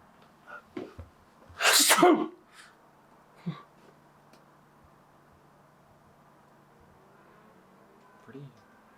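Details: Comedy sketch, staged sneeze, possibly allergies: one loud, explosive sneeze with a short in-breath before it, followed by quiet room noise.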